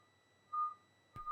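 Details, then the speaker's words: Toe-brachial index test using a DigiDop 300 Doppler with PPG probe and toe cuff: during cuff deflation at 2 mmHg per second after occlusion, a steady tonal beep, then a brief thump as the audible toe pulse returns. "when occlusion occurs the beeping sounds will cease and the cuff will begin to deflate at two millimeters per second allow the air to bleed off when the audible pulse is returned"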